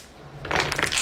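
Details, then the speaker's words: Young man with apparent hypermobility twisting his arms over and around his head into extreme positions, producing a brief quiet gap then sharp clicks and crunching pops. Joint cracking. "He's putting his arms all over his head and around and twisting them, but as he's doing it, they are cracking and making noises that very strongly suggest to me that he should not be in those kind of positions."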